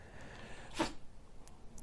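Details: Single quick, sharp sneeze from a pet ferret lying contentedly while having its neck scratched indoors; brief burst of air against a quiet background.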